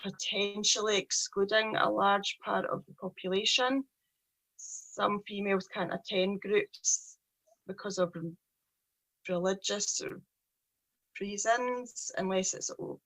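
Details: Stuttering (stammering) in a 43-year-old woman with a real, lifelong speech problem present since age three.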